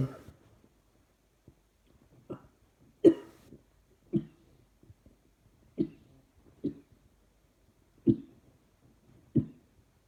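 About eight short, dry, muffled coughs spaced through ten seconds in a quiet room; repeated coughing.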